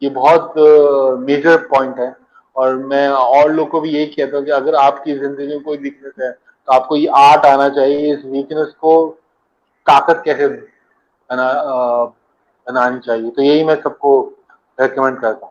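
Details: Adult man who stammers, a founder member of a stammering support group; stuttering.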